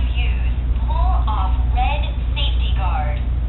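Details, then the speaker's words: Epinephrine auto-injector trainer giving spoken instructions once the parts are pulled apart: pull off safety guard, place black end against outer thigh, press firmly, hold five seconds with countdown; demonstration device, not real use. "you pull the top part out of the bottom part and a student trainer starts talking to you it'll start towing your red"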